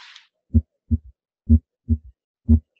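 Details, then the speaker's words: Simulated third heart sound on the Harvey simulator, heard at the apex with the stethoscope bell, heartbeat about 63 a minute: a soft, low-frequency extra thud just after the second sound. "hopefully you're all able to hear that low frequency extra heart sound the third heart sound"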